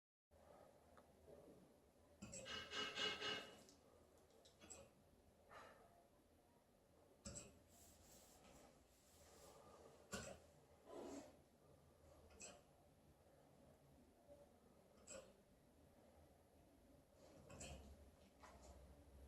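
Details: An Alaskan Malamute with hiccups: soft, breathy jerks recurring every couple of seconds over noisy breathing.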